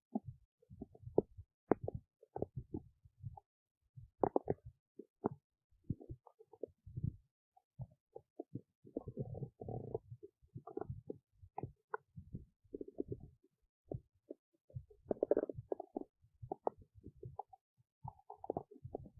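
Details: Belly noises recorded while digesting oats: frequent irregular gurgles, pops and rumbles, ordinary active bowel sounds.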